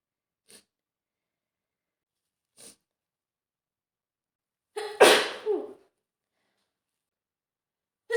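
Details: Simulated, acted cold sneeze from a woman who caught a cold after being soaked in a storm: two soft breathy intakes, then one forceful wet sneeze with a short voiced release.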